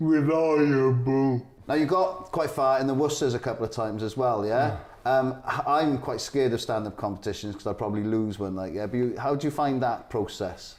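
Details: Adult male speaker; Typical speech.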